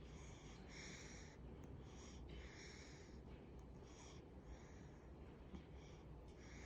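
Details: Infant snoring: soft, rhythmic, noisy breaths with a faint rattle, about seven in under seven seconds, over steady low room hum.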